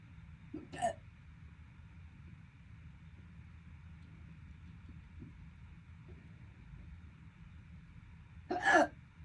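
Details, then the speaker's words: Two sharp, abrupt gulping hiccups about eight seconds apart over low room rumble, during a persistent hiccup bout that lasted over 12 minutes and that the person calls painful. "Listen to these hiccups. There These are nice. Nice. That hurts."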